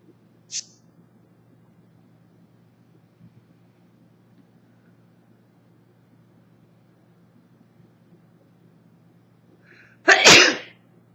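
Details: 24-year-old woman with summer allergies, recorded on an old phone that distorts the sound: near silence, then a quick intake of breath and one forceful sneeze at the end.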